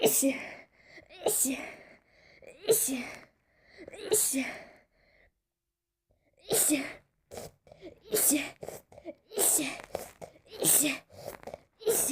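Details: Sneeze attack right after testing a body spray, in a person who says they are nearly allergic to everything and suspects an allergy to it: about ten rapid sneezes in two bursts, with sharp breaths between them.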